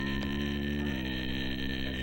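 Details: Adult male with a partially recovered superior laryngeal nerve injury sings his lowest note; his vocal range is about half a typical male range; lowest sung note after superior laryngeal nerve injury.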